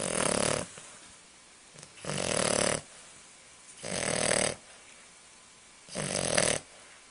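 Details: Puppy English Bulldog snoring beside a chihuahua: four harsh, noisy snores about every two seconds, near 30 breaths a minute, with quiet gaps between them.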